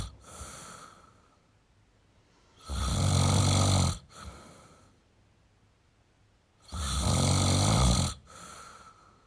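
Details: Male snoring: loud, rough snores on each breath in, each followed by a softer snort, about 15 breaths a minute; ordinary snoring.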